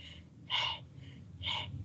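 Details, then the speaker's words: Lecturer imitating a bronchial (tubular, glottic) breath sound heard over lung consolidation, like a stethoscope on the throat: two loud, harsh, hollow breath noises with a brief pause, rougher than vesicular murmur. "Este soplo glótico, se llama, es parecido, ¿no? Se imita este soplo tubario cuando ustedes hacen este sonido, ¿no?"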